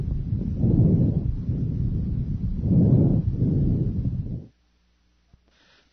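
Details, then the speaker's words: Normal bronchovesicular breath sounds, a mix of bronchial and vesicular, with inspiratory and expiratory phases about equal in length; soft low rushing breaths, normally heard anteriorly at the 1st–2nd intercostal spaces and posteriorly between the scapulae. "vesicular breath sounds are a mixture of bronchial and vesicular sounds their inspiratory and expiratory phases are about equal in length"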